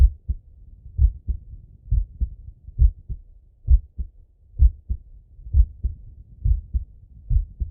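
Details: Male heartbeat and breathing auscultated through a stethoscope: steady paired lub-dub beats at about 66 per minute with faint breathing and no clear extra sounds; normal heart sounds.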